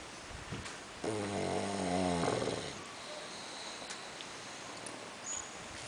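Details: A bulldog at a nursery: one long, tonal, rattling snore lasting over a second, with background room noise, faint talk and music; snoring.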